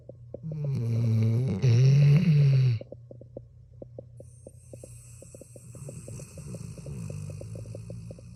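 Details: Low rumbling snore from a sleeping dog keeping one eye open, with a loud drawn-out snort early on, then softer rhythmic breathing noises; ordinary sleep snoring.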